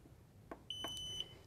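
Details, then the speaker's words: Nestlé Compat standard enteral feeding pump switched on in a demonstration: two soft clicks, then a loud sustained high beep of about half a second; power-on tone, volume adjustable on the back. "hear that this noise is quite loud so you can control the volume on the back of the pump"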